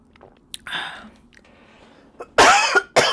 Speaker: I was really trying not to cough. I even drank some water, but I felt that air go in.